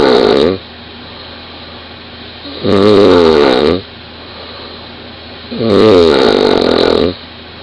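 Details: 20-year-old woman snoring very loudly in bed, recorded beside her: loud, rough snores on each inhalation, about 20 a minute, quieter exhalations between.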